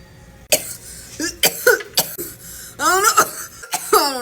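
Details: Adult coughing fit after inhaling smoke or vapor: about four harsh, explosive coughs with strained, voiced gasps and hoarse catches between them.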